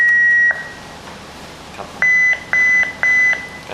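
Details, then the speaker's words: Defibrillator monthly energy test on battery power: 150 J selected and charged for shock, with charging beeps; charge should take 3–5 seconds with a good battery. "เลือกพลังงาน150จูนชาร์จช็อครับผม"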